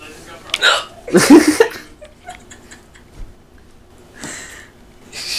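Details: A mom with hiccups: sudden sharp hiccup sounds break into her voiced sounds, with brief talk in a room about holding her breath and getting water.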